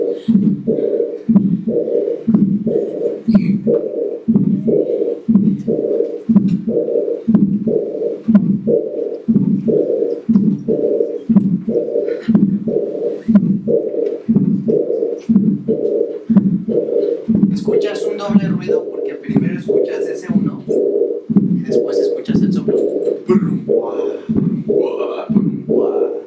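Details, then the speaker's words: Harvey cardiology simulator: aortic regurgitation, mainly a diastolic murmur with a small systolic component. "entonces aquí es un soplo diastólico pero tiene un pequeño componente sistólico lo más importante es el soplo diastólico"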